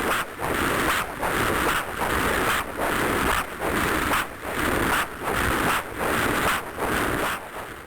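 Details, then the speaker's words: Rhythmic whooshing pulses about 75 a minute from a handheld 8 MHz Doppler on a foot artery, three sounds each beat: normal triphasic arterial signal, systolic flow, slight reverse flow, arterial elasticity. "Nous avons donc entendu trois sons ce qui représente un statut vasculaire dit normal. Le premier son correspond au flot sanguin systolique vers la sonde."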